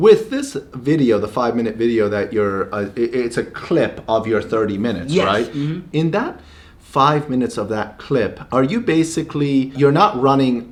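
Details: Adult male; normal speech.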